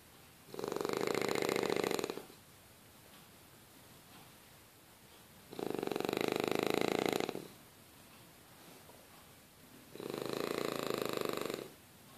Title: French Bulldog snoring while sleeping